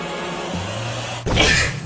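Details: Single sharp, hissing sneeze from a K-pop idol over background music.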